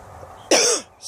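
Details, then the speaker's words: A single short, sharp cough from an adult outdoors during a May garden tour, with quiet background before and after. "you can hear that cough I've got more time more time Sage"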